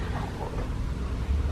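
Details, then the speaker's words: Stomach growling just after waking up hungry: a low, soft rumbling gurgle from an empty stomach, ordinary hunger-related bowel sounds (borborygmi). "tiếng sôi bụng, mày có nghe thấy không? kkkkkk Nghĩ sao mà mới ngủ dậy đã đói bụng rồi trời."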